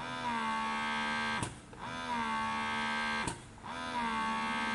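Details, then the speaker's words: Pigeon GoMini double electric breast pump running after three months of use: a steady motor hum broken by a short release puff about every two seconds, on its lowest of five suction levels. "nah seperti ini bunyinya dan ini levelnya bisa kalian naik turunin ya ini level paling tinggi level 5"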